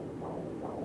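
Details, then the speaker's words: Fetal heartbeat at a first prenatal visit, early pregnancy, picked up by electronic Doppler or ultrasound: brief fast whooshing pulses over machine hiss, about 150 a minute, within normal 120–160. "when a patient hears a heartbeat for the first time they're often surprised by the sound of it it's very fast it's normally between about 120 and 160"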